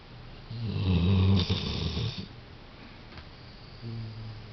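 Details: A sleeping dog, Coco, gives a low, rumbling snore: one long rattling breath, then a softer one. Snoring.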